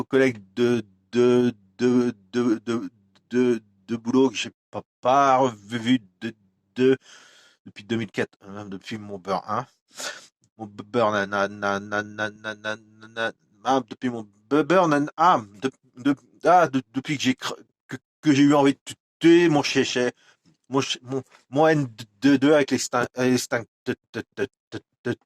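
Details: Adult man with stuttering that worsens when he recalls a stressful workplace period around 2004, so words no longer come out; audible repetitions; stuttering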